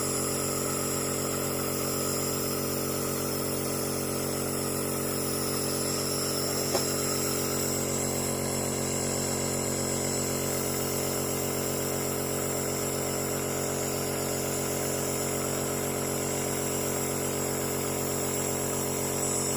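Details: Toddler receiving steam nebulizer treatment for flu and cough: loud, steady mechanical buzz with fast regular pulsing from the running nebulizer compressor.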